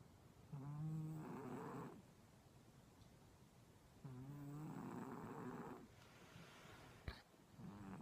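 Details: Old male cat asleep: a low, buzzing snore on each breath, about every four seconds, over quiet room noise.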